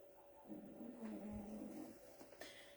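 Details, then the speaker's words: A single low, drawn-out rumbling snore of about a second and a half from a sleeping dog, over a faint steady room hum. "If you hear the snoring, that is Miss Gia. I'm entertaining her as always."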